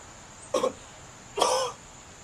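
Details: Two short, harsh cough bursts, the second longer, in a quiet room; an acted cough.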